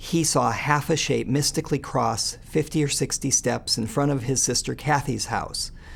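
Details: Adult male speaker; Normal speech.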